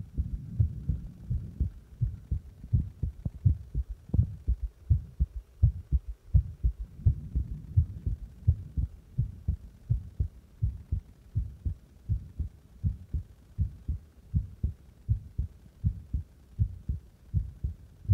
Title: My heartbeat after press my heart